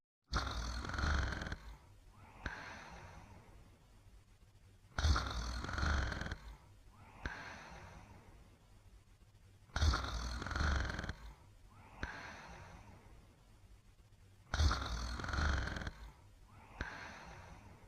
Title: Sleeping & Snoring